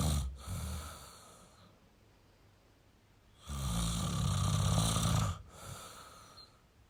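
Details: Male snoring: deep, low snores, one long rattling in-breath with a quiet pause between breaths.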